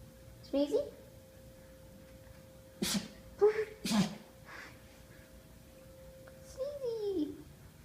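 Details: Puppy sneezing: several short, sharp nasal bursts, about four sneezes, with small whines in between and a faint background tone.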